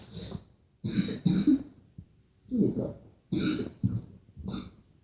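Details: Girl coughing: about six short, harsh coughs in quick bursts with brief pauses; cough.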